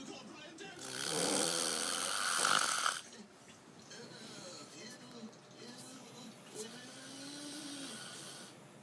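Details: Person snoring loudly enough to keep others from sleeping: one loud, rough, rattling snore on an in-breath, then quieter breathing with faint tonal sounds.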